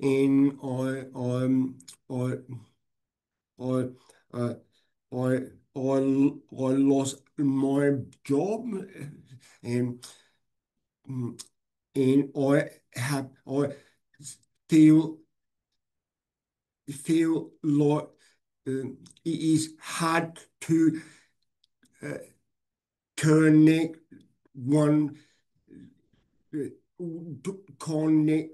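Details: Adult man with aphasia after a stroke 6 years ago, hospitalized 6 months; he reports difficulty speaking and has not read anything since.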